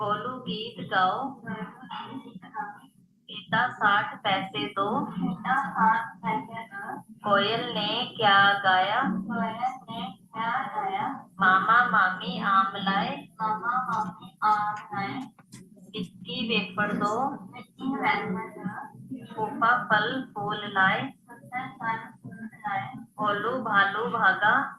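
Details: Hypernasal speech in a girl (age stated as 22, possibly a transcription error) with velopharyngeal insufficiency confirmed by nasal endoscopy after speech therapy; cleft context.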